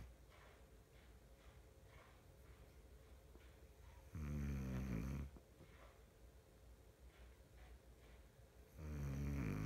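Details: Quiet breathing broken by two deep, buzzing snores about four to five seconds apart; snoring.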